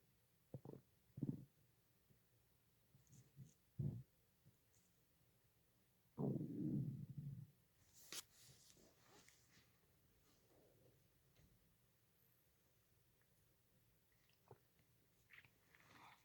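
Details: Stomach growling (borborygmi): scattered gurgles and one long low rumble amid quiet room noise; ordinary bowel sounds.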